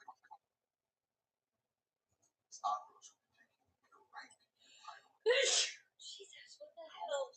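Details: A woman's sneezing fit in a looped edit: quiet breathy sounds build to a sharp explosive sneeze, followed by further breathy bursts and snorts.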